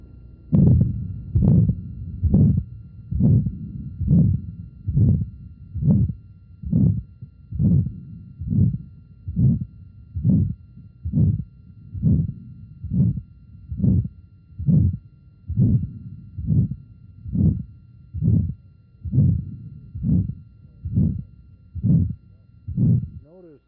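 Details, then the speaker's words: 57-year-old man with aortic stenosis, likely calcified bicuspid valve; auscultation at the second right intercostal space: regular heartbeat near 68 a minute with a harsh systolic murmur. "now let's go on to the second patient another patient with aortic stenosis 57 year old man and we're listening first at the second right"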